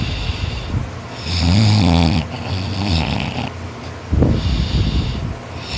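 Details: Boy snoring loudly in sleep after an extra-hard day of work; he says he snores louder when tired. Loud, rough, rattling, low, sustained snores on breathing in, with quieter breaths between; heavy snoring.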